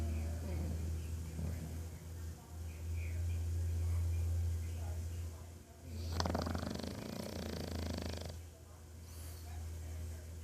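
Low, rumbling snoring with steady throaty vibration and a louder snorting breath partway through; ordinary snoring.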